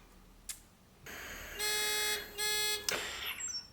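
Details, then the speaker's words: A WEINMANN MEDUMAT Standard a emergency ventilator in assist mode during a function check gives two bright, piercing beeps over quiet hiss and clicks, one minute after no spontaneous breaths; no-assist alarm. "after two breath of no patient assistance or patient breathing i need to see the yellow no assist alarm which is the case also here after again after one minute i will also hear an acoustic alarm"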